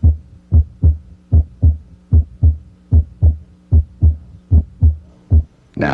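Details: Normal heart sounds heard with the stethoscope diaphragm at the apex during a teaching auscultation sequence: regular paired sounds near 75 a minute, with no added sounds.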